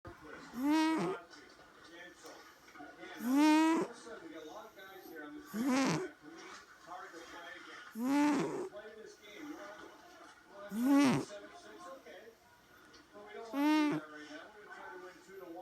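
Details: Cat snoring while asleep through a hockey game: steady, rhythmic, whistling, tonal snores at about 22 a minute over quiet room noise.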